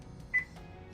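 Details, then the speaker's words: Single short, high electronic beep from a finger pulse oximeter placed on a young child's finger during a make-believe hospital role-play for first graders; quiet room noise. "Let's turn this fancy machine on here. It's starting to make noises already."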